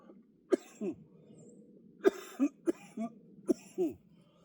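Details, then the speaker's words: Adult during a shoulder workout after a set of push presses, who says mucus is in the airway or upper lungs: three bouts of short, loose coughs, each a sharp burst then one or two softer ones; productive cough. "That's cuz the mucus is somewhere in my airway or upper lungs. which is a good thing. Hopefully by the time I finish my hike, I'll be able to get it out."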